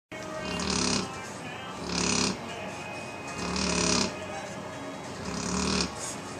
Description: Goodness - Penny can wake up the dead with her snoring!